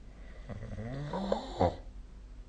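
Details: Snoring during sleep recorded with the SnoreLab app: one brief, low, groaning snore with a faint hiss, over quiet room noise.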